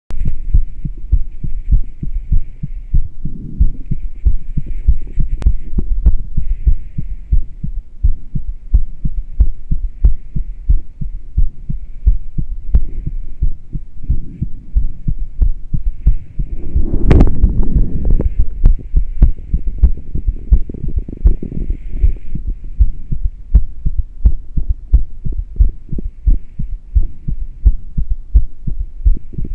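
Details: Person's heartbeat recorded while rebreathing into a plastic bag through a straw with no fresh air, after about ten minutes of doing this off and on: fast, fairly steady low thumps about 87 a minute.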